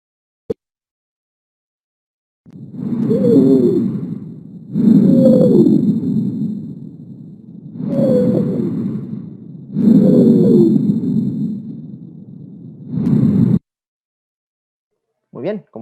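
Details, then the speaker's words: Stridor: loud, harsh, very high-pitched whistling on both inspiration and expiration, attributed to probable tracheal narrowing (tracheal stenosis/obstruction of trachea or larynx). "el sonido suele ser un silbido con un timbre muy alto y este va a estar presente tanto en inspiración como expiración"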